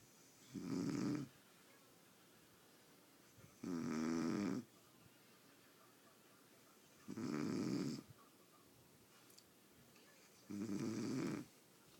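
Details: Snoring in deep sleep: four regular, rattly snoring breaths at about 18 per minute, each about a second long, in a quiet room.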